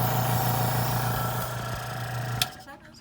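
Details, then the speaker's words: Steady motor hum with a low buzzing whine, then a click as the noise falls away: a suction machine tested and adjusted to between five and ten before tracheostomy suctioning of a hyperoxygenated patient. "i'm going to test my suctioning equipment okay turn it on i'm gonna clean it just above i'm gonna adjust it and there staying between five and ten"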